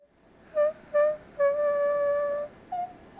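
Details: Vocal fold nodules causing incomplete glottic closure, heard in staccato singing at D5; breathy, rough, airy and raspy singing voice from vocal fold nodules.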